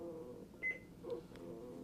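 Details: Patient monitor under a 5-minute performance test with a Fluke ProSim 8 simulator (simulated patient, SpO2 97%): a single short electronic beep over quiet room hum as the non-invasive cuff blood pressure measurement finishes.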